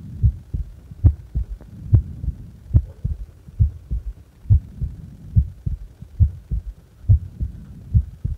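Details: Steady, regular paired lub-dub thumps at about 70 beats a minute with a faint low hum behind, from a heart at rest doing nothing; normal heart sounds.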